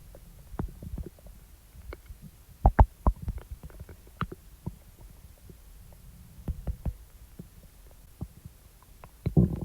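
Soft low gurgles and rumbles with scattered louder pops and growls from the belly; ordinary bowel sounds after eating.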